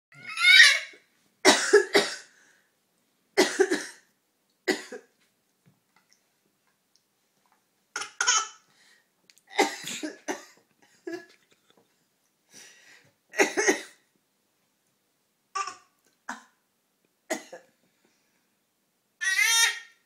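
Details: A young child playfully imitates an adult's short, dry, tickly cough, with the adult coughs and child's imitation coughs alternating.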